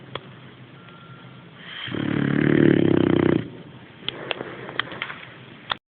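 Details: Sleeping boxer dog, one loud vibrating rattling inhaled breath with quieter breathing and small clicks around it; snoring.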